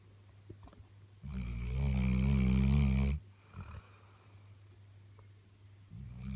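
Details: Sleeping Labrador dog snoring: a loud, deep, vibrating snore lasting about two seconds, then quieter breathing before the next snore begins.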